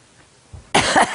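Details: Cough from an elderly grandmother, who says the coughing may be due to her medication. A single harsh cough burst after a brief quiet breath.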